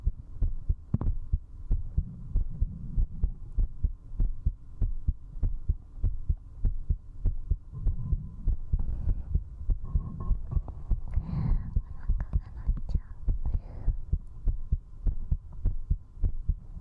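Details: Strong, regular, fast heartbeat at about 98 beats a minute while drinking alcohol, recorded at zero distance with a 3Dio binaural microphone; fast heartbeat after alcohol.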